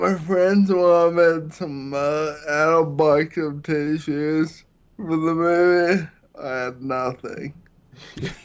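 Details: Man with Friedreich's ataxia, a neurological disease affecting balance and coordination that also affects his speech; ataxic dysarthria.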